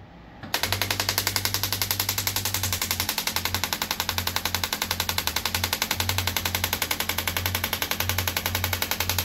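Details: Radial shockwave therapy on an armwrestler, who says it feels like deep tapping on the bones: rapid, steady mechanical tapping at about 220 pulses a minute over a low hum.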